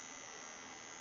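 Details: Steady high-pitched electrical hum and whine from a Biotronix 7 tesla magnetotherapy device running combined with its class III 808 nm laser cluster probe; magnetotherapy device running.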